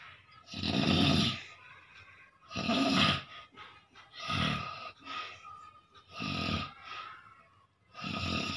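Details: Person asleep while sitting up, snoring loudly; loud, rough snores roughly every two seconds with quieter breaths between, in a small room; heavy snoring.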